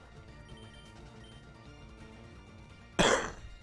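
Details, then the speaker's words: Adult with a dry throat, coughing during a game stream: a single short, harsh dry cough over soft background music; felt awful in the throat. "Don't know if you can hear that well, but I just coughed, and my throat just felt like it was. Just felt awful."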